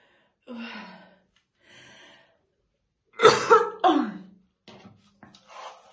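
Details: Woman's real, unacted smoker's morning coughing fit while slowly brushing her hair: deep, harsh, chesty coughs in short bursts with throaty breaths between.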